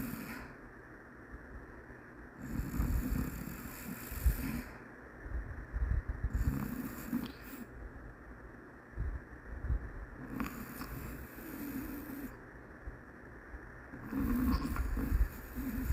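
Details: Rhythmic rattling snores on each breath at about four cycles a minute, with quiet pauses between, from a sleeping Shih Tzu dog.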